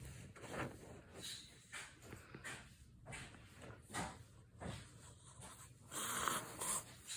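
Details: Dog sneezing repeatedly: a rapid series of short, sharp nasal sneezes in quick succession.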